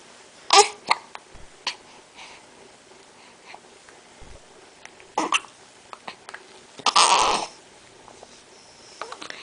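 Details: Three short, abrupt hiccups in an infant boy's breathing with faint rustling between them; common harmless baby hiccups.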